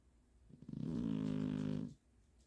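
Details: A sleeping dog snoring: one drawn-out, buzzing, rattly snore lasting about a second in a quiet room.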